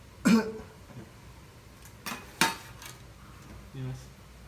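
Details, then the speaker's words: Role-played nursing training in effective cough after postural drainage and deep breathing: a few short, forceful coughs demonstrated, cough using the muscles; quiet room. "Nanti batuk kan menggunakan otot ya Mas, seperti ini."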